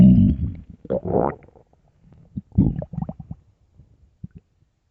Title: best loud empty hungry stomach growls